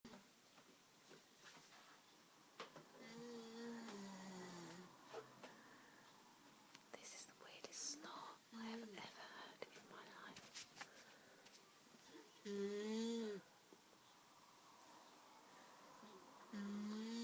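Quiet breathing with irregular, low, fluttering rattles on some breaths, about 15 a minute; snoring.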